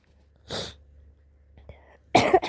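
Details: Person sick with flu, living off grid in a tent: two short explosive bursts, a sneeze then another sneeze or cough, with a brief voiced sound between; sneeze.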